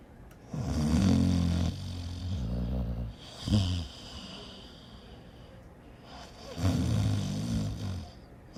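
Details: Snoring: deep, rough rattling breaths on inhalation, with a brief snort between them and a quiet pause.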